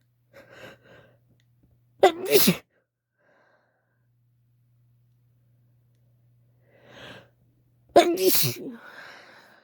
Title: Induced wet sneezes(F)